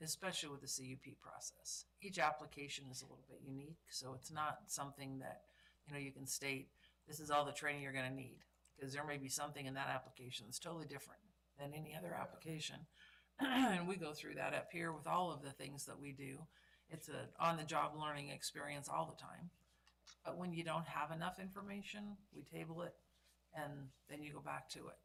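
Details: Adult speaker; normal speech.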